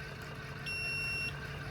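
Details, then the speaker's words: Belmont rapid infuser set to 500, line pinched to simulate a smaller catheter until pressure reaches 300: a single high-pitched high-pressure alarm beep over machine hum as the device drops the rate. "and see how that starts beeping at you and flashing that's the pressure control and so it's regulating itself so whenever the pressure gets too high it's going to drop the rate back down until to release pressure"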